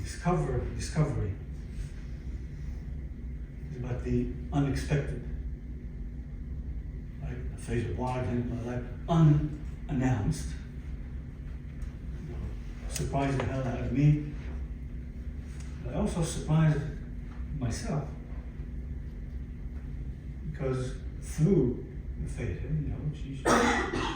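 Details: Aphasia in a 62-year-old man, acquired after a stroke in December 2011 that followed cardiac ablation for arrhythmia; he lost languages and speech and attends speech therapy at an aphasia center.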